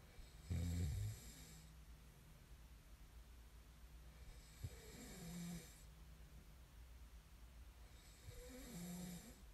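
Three low, rumbling snores over about ten seconds, with quiet breathing between them and a steady low hum in the room.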